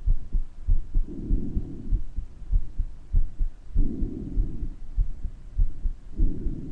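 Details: Self-recorded heart sounds with periodic breath noise: beats near 98 a minute with a soft whooshing around them, heard better at some recording spots than others: a heart murmur.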